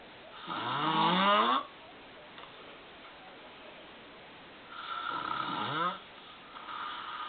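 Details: Loud rattling snores from an adult man asleep, each lasting about a second, with quiet pauses between breaths.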